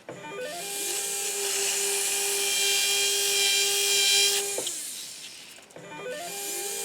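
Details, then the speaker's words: Steady high whine of a 1.6 mm implant drill with an 8 mm drill stop, running, stopping, then restarting, completing osteotomies for 20-degree angled 2.4 mm SATURNO implants in an upper maxillary arch demonstration. "so we'll pull out our 8 mm drill stop snapping it onto place and completing our osteotomy of our angled"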